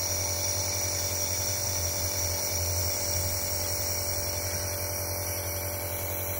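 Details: Dr. Trust 401 compressor nebulizer running with plain water in the medicine chamber for demonstration, mask attached: steady motor hum with constant hiss of misting airflow.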